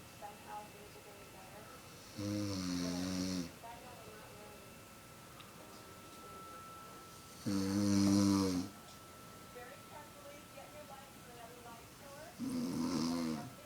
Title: MOM SNORING AGAIN